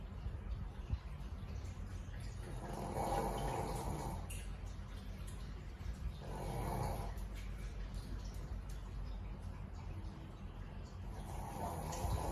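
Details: Small dog asleep: slow, rough snoring sounds roughly every three to four seconds over steady background noise; snoring.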